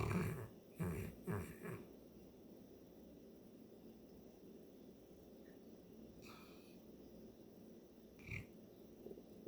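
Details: Mabel, a St. Bernard dog whose allergies are hitting hard, snoring: a few deep, rough, fluttering snorts, then quieter breathing and a soft snort.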